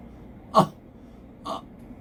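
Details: Voluntary light cough used as a cough-phonation self-therapy exercise for vocal cord paralysis, to feel the vocal folds close before voicing.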